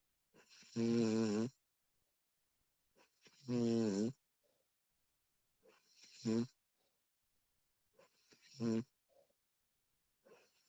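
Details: Female snoring during sleep, professionally recorded: four to five rattling inhaled snores, roughly 23 a minute, each followed by a quiet breath out; ordinary snoring.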